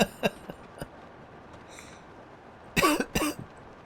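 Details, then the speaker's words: Adult streamer who describes themselves as perpetually unhealthy and coughing a lot: a few faint short throat sounds, then two loud, harsh voiced coughs in quick succession in a quiet room. "I am perpetually unhealthy. So, you'll hear me coughing a lot. I'm sorry about that."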